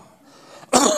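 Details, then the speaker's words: Single sudden, harsh cough burst after a near-silent pause; upper airway cough of pharyngitis, laryngitis or tracheitis, audio from a sound library. "और इवन ट्रेकियाटिस की we sounds हमें खांसी हमें किस तरह की सुनाई देगी।"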